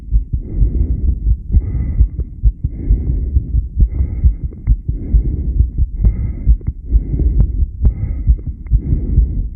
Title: Heartbeat sound at long breathhold (10 lead).-subjB1